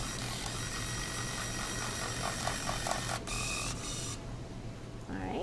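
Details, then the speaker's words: Steady mechanical buzzing whir with some room noise from the motor of a Vacora vacuum-assisted breast biopsy needle during stereotactic sampling in an awake patient; biopsy device motor whir. "all right now a little uh electric toothbrush sound complete with sound effects here you all right good you're doing great"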